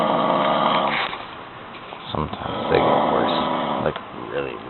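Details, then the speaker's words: Loud, harsh, rattling, growl-like heavy snoring, described as "demon snores". "talking about the demon snores."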